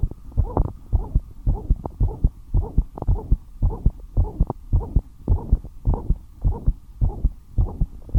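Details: Heart murmur: fast, regular heartbeat near 110 a minute with a whooshing sound filling the gaps between beats; the heart rate rose despite the patient being kept at rest.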